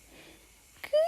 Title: Cute hiccup baby #newbornbaby #shortsvideo #cute #babyvideos #shortsyoutube